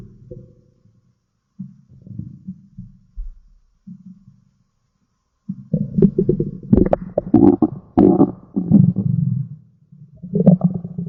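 Low gurgling and rumbling from the belly in irregular bursts, louder toward the end; ordinary stomach growling.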